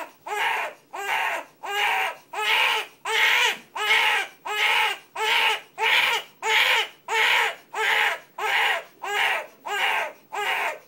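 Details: Infant crying in short, evenly spaced bursts, about 90 a minute, each a brief pitched wail, described as an unusual, weird-sounding cry.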